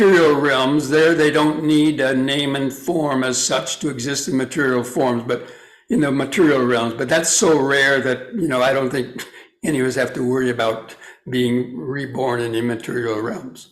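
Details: Adult man speaking; Normal speech.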